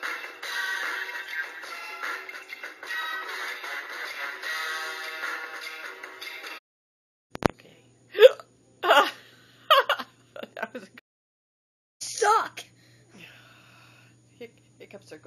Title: Hiccups SUCK